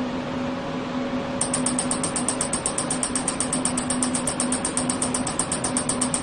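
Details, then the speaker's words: Super inductive system (SIS) electromagnetic physical therapy device in manual mode on the knee, three combinations with frequencies 20 and 10, timer set to 1 minute: steady electrical hum, then rapid regular high clicking pulses as it starts running. "然后这里我们选三个频率，三个组合，直接默认15分钟的话，我们现在操作的话就调1分钟，按开始启动就行了。"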